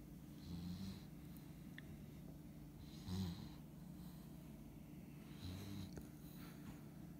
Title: Husky Puppy Snoring !!